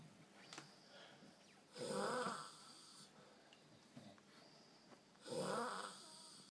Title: Snoring... I think!